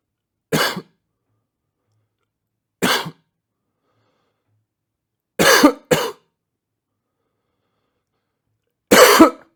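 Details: Five short, harsh adult cough bouts, some doubled, separated by silence over about ten seconds, from a sound-effect recording; cough.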